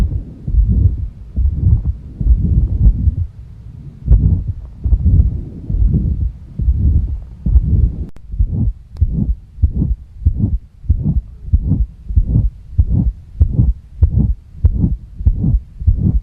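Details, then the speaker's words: Extra sound heard at the mitral valve area during a simulated physical heart exam of an adult male, said to have hypertension with enlarged heart: mitral regurgitation murmur. "Dan untuk katup yang terakhir yaitu katup mitral ya terdapat suara tambahan yaitu regular gitasi mitral ya."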